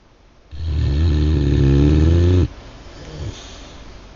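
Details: One loud, low, vibrating snore on a breath lasting about two seconds, followed by a quieter breath; snoring.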